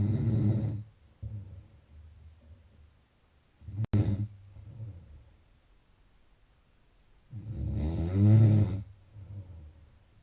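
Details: Snoring during sleep: low rattling snores on two breaths in, with quiet breathing between.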